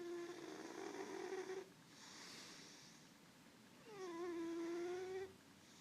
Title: Snoring cat